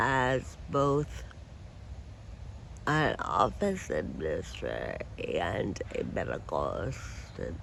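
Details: Adult woman with Friedreich ataxia who uses a wheelchair; her speech may need captions to follow; ataxic dysarthria.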